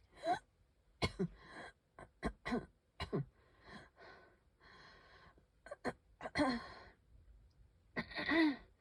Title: I can hardly breathe- wheezing, coughing